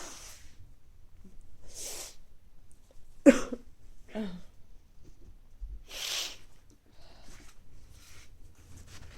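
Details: Person with recurrent mild colds coming and going over recent weeks, nose not very stuffy but feeling sneezy: several breathy, hissing nasal bursts and one sharp loud sneeze, with sniffing between; repeated sneezing.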